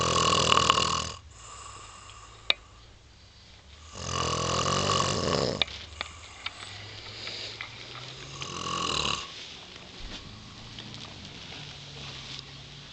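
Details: Tired little boy asleep on a couch: harsh, rattling snores about every four seconds, with quieter breathing between, in a small room.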